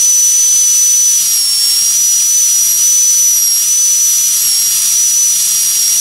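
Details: Steady, loud high-pitched air turbine dental handpiece whine with a 330 bur, cutting continuously with slight pitch wavers during a Class I cavity preparation on a typodont tooth.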